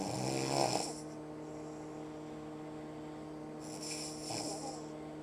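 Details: Mother-in-law snoring while the family tries to sleep on vacation, around 5 a.m.: two loud, rattling snores about three seconds apart with a quiet pause between, over a steady room hum.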